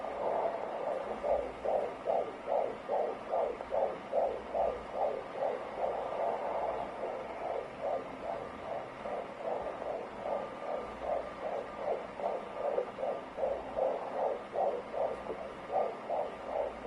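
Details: Fetal heartbeat: rapid, regular whooshing pulses at about 146 beats a minute.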